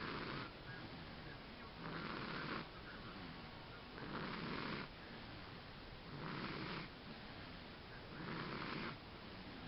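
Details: Steady rhythmic snoring, a rough noisy breath about every two seconds, roughly 28 breaths a minute; snoring.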